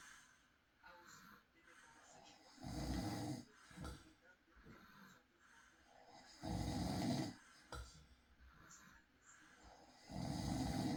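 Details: Recorded at night: husband's snoring during sleep, real recording; rough, noisy snores about every 3.5 seconds, roughly 16 a minute, with softer breathing between; ordinary sleep snoring.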